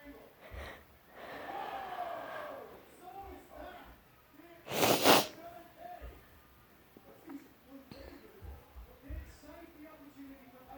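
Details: Sneezing fit, possibly from allergies; a loud, explosive sneeze stands out among murmured voices and breathy sounds in a small room.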